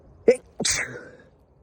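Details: A single ordinary sneeze from an adult sneezing onto a nose-shaped leaf: a brief voiced intake, then a sharp explosive burst trailing into a hissing exhale.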